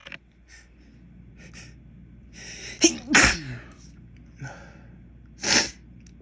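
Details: Several sharp, explosive sneezes, some preceded by quick inward breaths, after white pepper was spilled while cooking; irritant-triggered sneezing.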